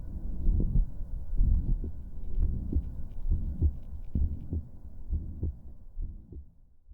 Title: Real Heart Murmur | Private Pulse (First Listen)